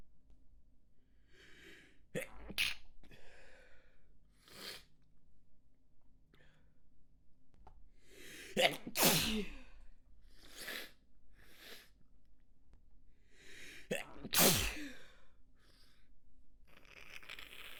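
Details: Stifled sneezes after manual inducing of a tickle spot: several muffled, stifled sneezes with sharp inhalations build up into rapid repeated sneezing, then two forceful full sneezes; a sneezing fit.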